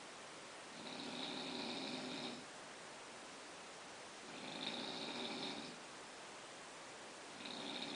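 Rough, fluttering breathing noise on each breath in, about every three and a half seconds, with quiet gaps between: snoring.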